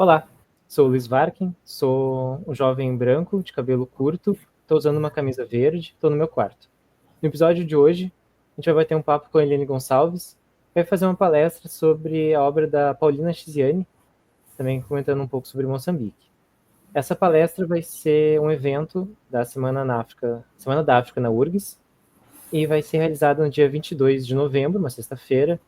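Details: Adult male speaker; normal voice.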